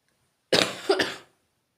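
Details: Single harsh, two-part dry-sounding cough in a quiet room from a person whose cough does not come every day.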